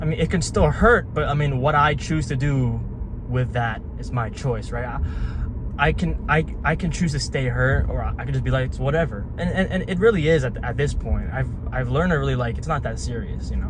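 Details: Young adult man with a lifelong stutter, with syllable and word repetitions: stuttering.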